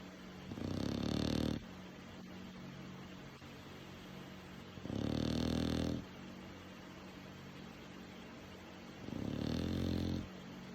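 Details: Three loud, rough, rattling snores during sleep, about four seconds apart (about 15 a minute), over steady room hum; snoring.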